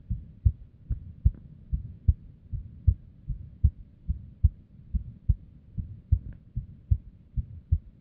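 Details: Female's unstable resting heartbeat with an arrhythmia and abnormal beats: low, dull thumps near 75 a minute, unevenly spaced and varying in strength; an irregular heartbeat.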